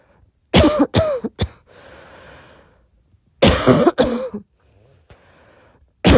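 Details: Adult woman in a 4 a.m. coughing attack, tagged barking cough and wheezing: two clusters of forceful coughs with noisy, rasping breaths drawn in between.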